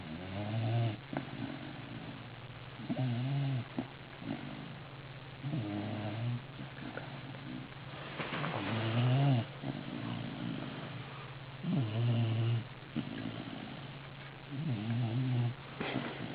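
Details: Soft, rhythmic, snuffling snores on each breath, about 20 a minute, with a low hum behind, during sleep; snoring.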